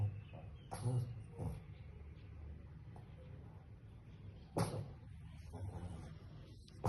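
Three brief, soft, jerky bursts at irregular gaps over quiet breathing and low room noise, fitting hiccups in a sleeping puppy.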